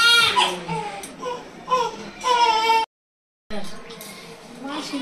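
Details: Newborn baby after a first pregnancy with emergency hospital admission: shrill, wavering bursts of crying with a brief silent gap.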